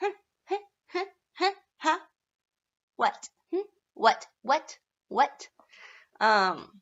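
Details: Adult woman with self-described seasonal Tourette's, in an active tic episode, producing repeated involuntary "what" vocal tics.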